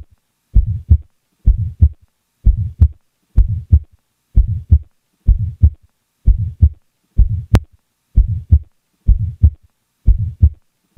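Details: Innocent systolic ejection murmur: regular heartbeat near 63 a minute with a soft whooshing murmur between the first and second heart sounds.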